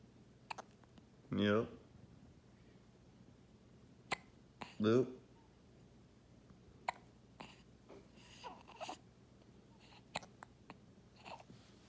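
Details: Infant with hiccups: two short voiced catches about three seconds apart, faint clicks and quiet room noise between them.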